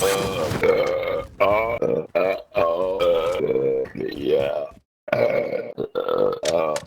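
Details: A friend gives repeated, deliberate, long, drawn-out voiced belches with gaps between them in a small room while playing Call of Duty: burping.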